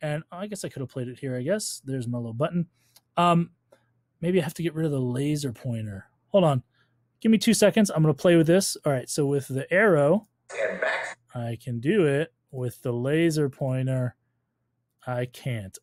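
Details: Adult man speaking; Normal speech.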